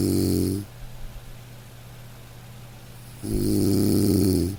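Two loud, rattling snores on breathing in, separated by a quiet pause; ordinary snoring during sleep.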